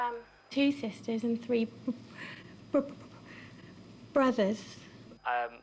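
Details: Stuttering in a new student who stammers, the night before starting a stammering course.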